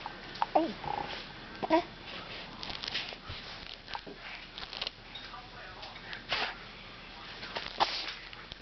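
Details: Young child gives a sudden sharp sneeze while playing with her doll, with quiet room noise: sneeze.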